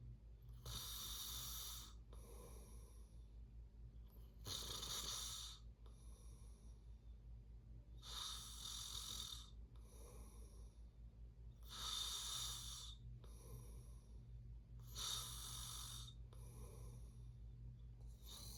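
Rough, rattling snores on each breath in, about 16 breaths a minute, with softer breaths out and steady low room hum.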